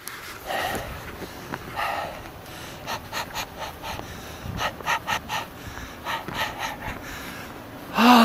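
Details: Person out of breath after a parade, gasping for air, wheezing, thirsty: quick breathy panting bursts like a dog catching its breath after exertion.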